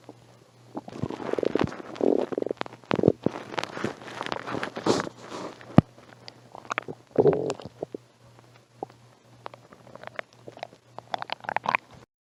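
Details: Person with a cold who had not eaten all day, recorded on a phone; bursts of gurgling and rumbling with faint clicks over a low steady hum; hunger-related stomach growling (borborygmi).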